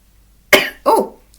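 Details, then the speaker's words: Adult in a quiet room gives two harsh, loud cough bursts in quick succession, which she describes as sounding like a dog barking though it is just a little tickle: a barking cough. "my cough sounds way worse than it is everybody always tells me I sound like a dog barking when I cough and it's really not that bad it's just a little tickle that I get"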